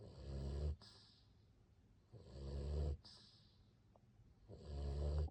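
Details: Dog snoring after being run over by a truck: soft, low, rumbling snores with a brief snort-like catch after each, about every two and a half seconds.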